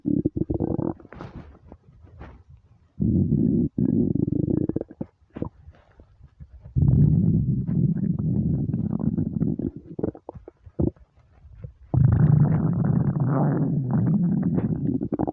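Loud, low gurgling and rumbling bursts from the stomach; normal hunger-related bowel sounds.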